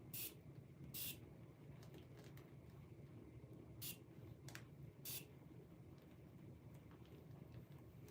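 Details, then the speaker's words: Adult woman with Crohn's disease changing her ostomy pouch. Five short hissing bursts of adhesive remover spray, used to loosen the bag so it is not pulled off the skin. "Adhesive remover spray. We use this to take off the bag so that I'm not yanking off my skin."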